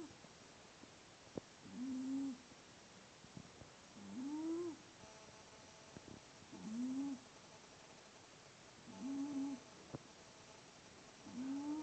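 A cat makes a short, musical whistling squeak with each breath, about 25 times a minute, a wheeze.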